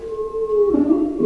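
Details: Stridor, a lung auscultation example recording played in a lesson on breath sounds.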